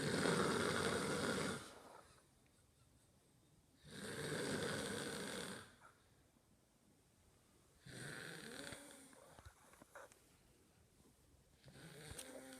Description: Boyfriend watches pug and girlfriend snore